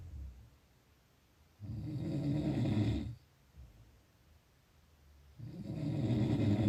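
Two long, low, rumbling snores on breathing in, separated by a quiet pause; typical snoring.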